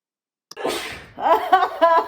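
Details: A young woman gives a sharp sneeze, then breathy laughter: a reflex sneeze set off by the nasal swab during a Covid-19 test.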